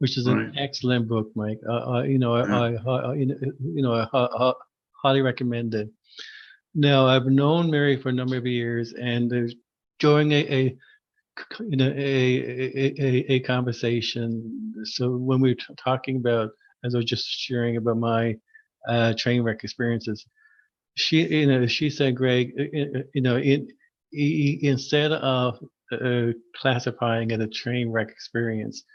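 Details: Adult who stutters, formerly severe and covert stuttering with secondary characteristics; repeated words heard; stuttering.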